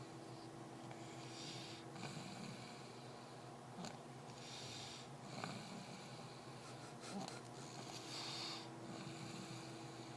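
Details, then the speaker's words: Little boy snoring in sleep: repeated noisy, snorting breaths with hissy, rattling sounds at about 12 breaths a minute over steady room noise. "That's definitely my husband's child. I've never heard such snoring from such a little thing."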